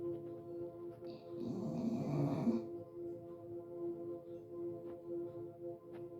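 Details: An English bulldog snoring like a human: a soft, breathy snore that rises and fades once over a steady background hum.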